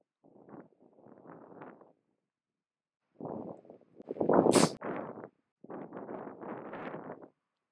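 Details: A single sharp, hissing sneeze from a wild wombat, heard amid snuffling and rustling outdoors at Wilsons Promontory, Australia.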